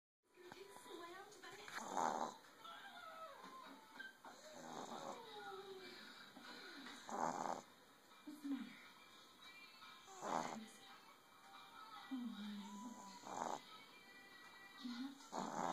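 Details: 11-week-old male Boston Terrier puppy snoring: snorty, rattling breaths, about eleven a minute, with squeaky whistling sounds between them; background music.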